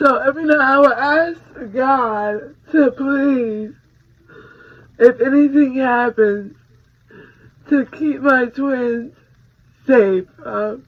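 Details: 26-year-old woman with a hemorrhagic stroke from a ruptured brain aneurysm 6 days after giving birth to twins (July 2018); right-sided paralysis, lost speech and relearned talking; voice still not normal; post-stroke speech impairment.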